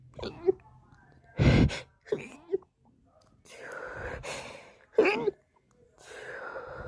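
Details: Sneezing attack, tagged as allergies or hay fever: several gasping in-breaths and sharp sneezes in quick succession, with breathy exhalations between; a sneezing fit.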